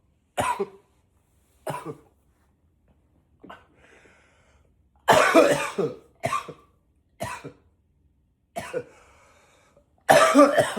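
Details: Deliberate acted coughing: about nine cough bursts over ten seconds, some single and some in short runs, several forced lower and deeper.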